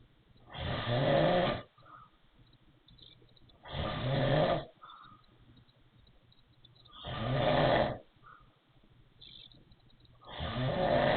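Loud rhythmic snores about 18 a minute, each with a rough, slightly whistling wheezy edge, separated by quiet pauses.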